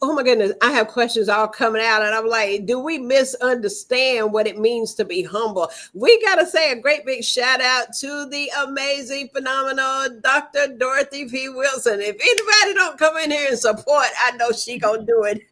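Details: Adult woman speaking; Normal speech.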